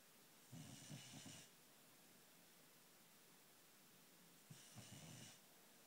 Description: My dog fast asleep snoring away